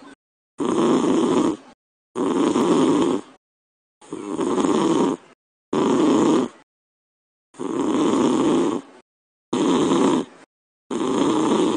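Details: Snoring: a dad who fell asleep, recorded through the Talking Tom Cat 2 app, so it is played back in the cartoon cat's voice as loud, regular rasping snores about 37 a minute with silent gaps.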